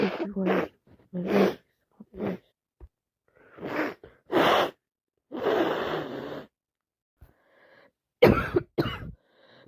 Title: It's defo another cold 🤧 non stop wet sneezes and buildups with sniffing and bit coughing